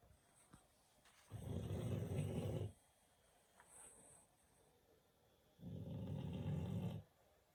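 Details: Two long, low, rumbling snores about four seconds apart, with quiet breathing between them, during sleep; ordinary snoring.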